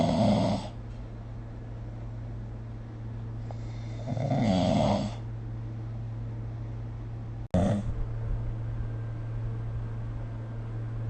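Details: Snoring recorded with the SnoreLab smartphone app: loud, rough snores on in-breaths, about three in eleven seconds, over a steady low hum.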